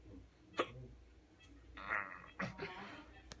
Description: post wisdom teeth removal hiccup madness 2016